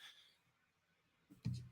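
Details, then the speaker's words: A single sneeze from a speaker during a recorded sports talk conversation, followed by an apology for the sneeze; sneeze. "sorry for the sneeze no no the sneeze doesn't sound funny the phrase tight in you sounds funny"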